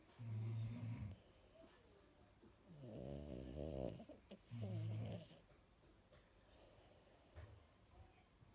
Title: The snoring 😂🤣